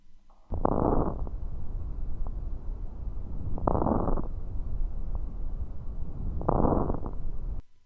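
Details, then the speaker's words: Coarse crackles (rales) in a child: three breaths with popping over the airflow, from small airways opening after mucus collapses them, with possible causes pneumonia or congestive heart failure. "are a course crackling noise made from the small Airways popping open this is when you get mucus in the tiny airways collapsing them so when the child breathes they pop open"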